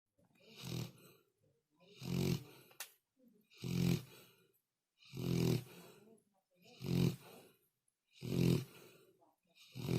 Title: Funny dog snoring 😴